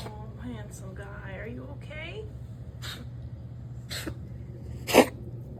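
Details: Cat coughing episode, owner unsure whether hairball coughing or wheezing: three short, dry bursts, the last loudest, over steady room hum, with no musical wheeze.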